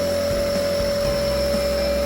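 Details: Steady motor hum with a constant whine: an Omron compressor nebulizer running.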